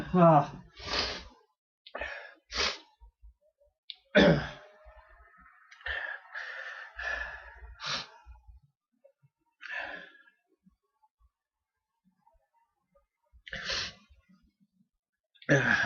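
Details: Repeated catching, gasping in-breaths build up between several forceful sneezes; uncontrollable hitching pre-sneeze pattern with sneezes coming in a run.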